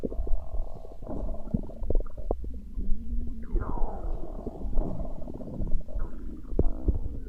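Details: Stomach growling (borborygmi): gurgling, bubbling rumbles from the belly with squeaky, rising and falling tones.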